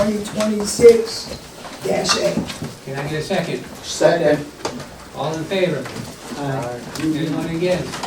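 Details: Adults speaking in a meeting; normal voice.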